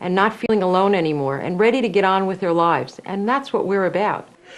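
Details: Adult woman; Normal speech.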